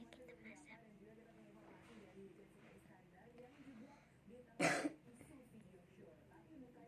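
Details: Quiet room sounds with a single short, loud cough partway through, from a speaker who has a cough while narrating a toy kitchen set; cough.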